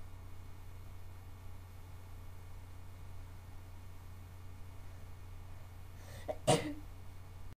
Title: more sneezing.